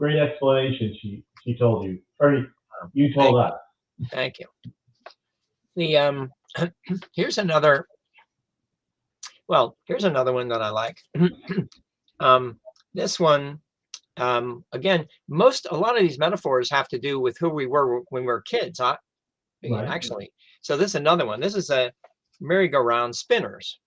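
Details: Adult male stroke survivor who lost his language after a stroke, now with mostly expressive (Broca's) aphasia; expressive aphasia.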